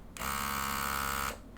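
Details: Steady high-pitched motor whine lasting about a second as a GLOWY NA-A001 electric nasal aspirator switches on, then stops, demonstrated without a patient; aspirator running.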